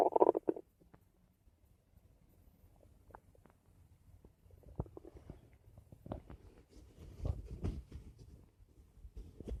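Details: Bowel sounds (borborygmi).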